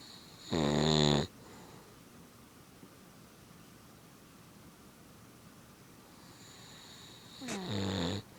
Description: kids playing while daddy fell into deep sleep